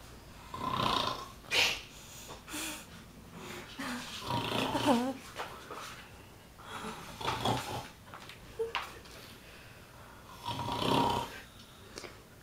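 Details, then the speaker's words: Pet sleeping after eating all the food in the house, snoring like a pig: loud, rough, rattling breaths every few seconds with squeaky snorts between. "Pimenta depois de ter comido toda a comida da casa não tem nem força concando como porco e"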